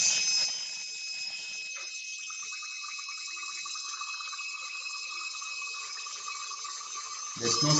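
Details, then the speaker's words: Electric micromotor dental handpiece running: a steady, high-pitched whine with faint background music. "[Music] so this is something about nlz that means the electric micro motor"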